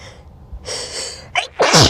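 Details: Natural sneeze, set off by a nose tickle, in a person who says they are not sick and did not induce it; a hissing inhale, a brief catch, then a forceful explosive sneeze.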